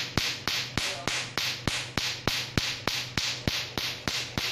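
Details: Tattoo removal laser firing pulses: rapid, regular sharp snapping clicks, about 200 per minute, over a low hum.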